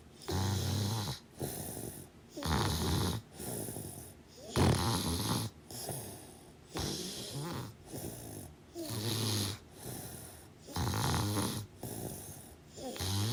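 Loud, rough, rattling snores with each breath, about 28 a minute, separated by short pauses. Heavy snoring.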